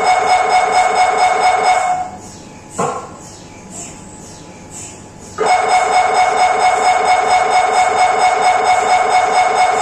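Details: MRI brain scan noise recorded inside the scan room: loud, fast, steady mechanical buzzing and knocking, pausing briefly mid-clip before resuming.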